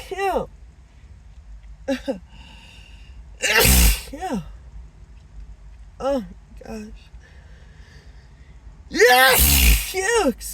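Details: Acted sneezing fit; the person suspects an allergy and says the nose tickles. Several loud, forceful sneezes with rising gasps between them, over faint background music.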